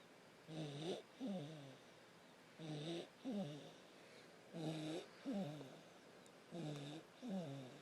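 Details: Rhythmic snoring, each breath a rattling in-breath and a fluttering out-breath, about 15 breaths a minute against faint steady background noise.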